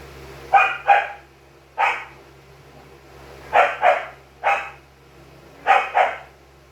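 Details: A loud tickle sneeze, recorded in the Philippines.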